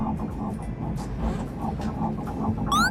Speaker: 准备升格为新手爸爸余祥全也在17日和粉丝分享宝宝的超音波画面，还有可爱的心跳声。